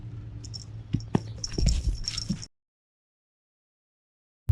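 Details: White stray cat repeatedly sneezing: several sharp, explosive bursts close together, then quiet.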